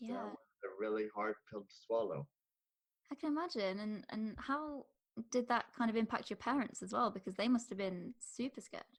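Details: Adult woman speaking; typical speech.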